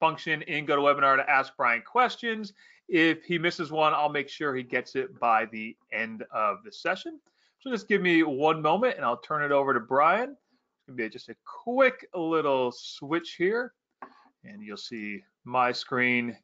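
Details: Adult speaker; Normal speech.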